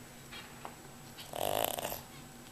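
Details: Bernard snoring so loudly he can sometimes be heard on another floor of the house: a single fluttering, rattling snore rising and fading over about a second against steady room hiss; snoring.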